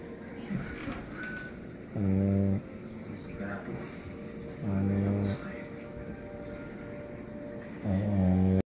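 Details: Mariah snoozing on a lazy day: three loud, buzzing, rumbling snores about every three seconds, roughly 20 breaths a minute, over steady room noise; snoring.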